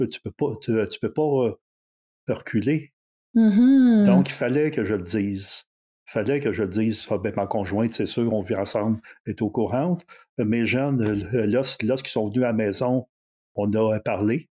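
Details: Stuttering in a 64-year-old recently retired adult who decided to change his relationship with stuttering after retirement; speaking French.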